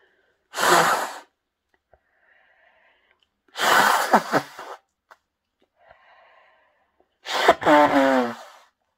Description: I sniff pepper to bring on such SATISFYING sneezes and then I honk my nose to clear my sinuses.